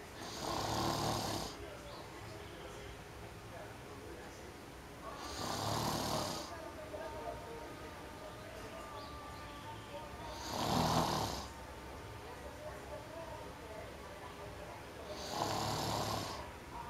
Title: SNoring monster